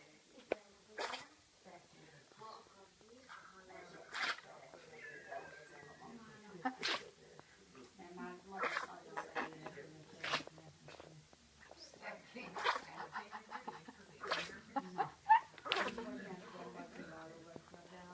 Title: Mischa puppy griffon sneeze